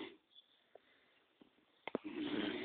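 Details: Man snoring in deep sleep after heavy drinking: a quiet pause, then a snorting catch leading into a loud, rough, rattling snore on the in-breath.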